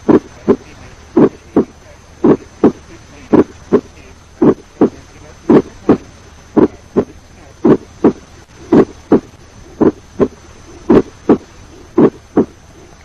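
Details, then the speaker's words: Ejection systolic click from aortic or pulmonary stenosis: high-pitched click about 70 ms after S1, best over the aortic or pulmonary area with the stethoscope diaphragm. "Ejection systolic click is a high-pitched click-like sound occurring about 70 milliseconds after the first heart sound."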